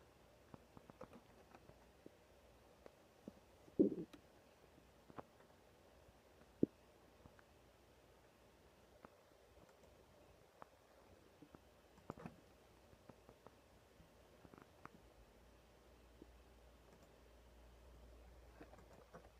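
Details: Faint, scattered gurgles and brief rumbles from the abdomen with occasional mouse clicks and typing; ordinary stomach growling (borborygmi).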